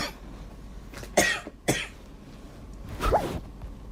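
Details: Girl coughing: two sharp coughs close together, then a third longer cough with a brief squeaky catch.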